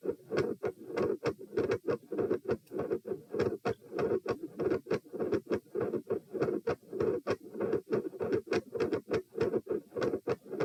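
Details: Heart sounds recorded at position P during stress test with rates 78–138 bpm (lying, sitting, standing, bobbing): loud, dense beats around 100 per minute, unusually loud supine, with added noise at the second sound, an S2 murmur.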